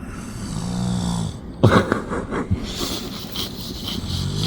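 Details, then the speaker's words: Man sleeping wrapped up like a cocoon outdoors during a seaside shore-fishing trip; low rattling snore on breathing in, then snorting and shuffling sounds with outdoor background noise; ordinary snoring. "Et je vous dis pas, il est en train de ronfler. Hein. Je vous garantis qu'il est en train de ronfler."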